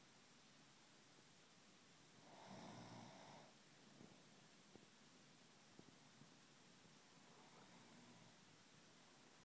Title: My hubby take a record of my snore!